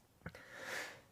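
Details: A single sneeze from a K-pop singer of DAY6: a brief sharp catch of breath, then a forceful hissing burst of air from the nose and mouth.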